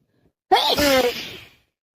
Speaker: Sneeze after sneeze after sneeze. My nose is constantly running.